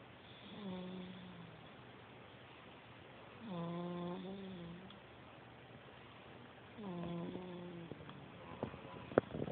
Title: Snore-fest 2010